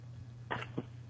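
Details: A man ill with pneumonia, worse since Thursday, gives two short, harsh coughs in quick succession over a telephone line with a steady background hum.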